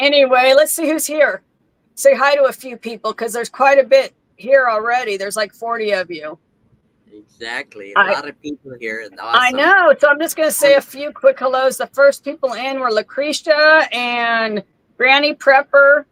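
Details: Adult woman; typical speech.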